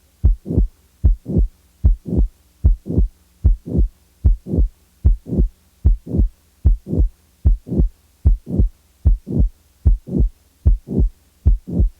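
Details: Late systolic murmur of mitral valve prolapse. A mid-systolic click and then the murmur are added, and the click is removed. Regular rhythm about 75 a minute; the murmur fills late systole, with no click.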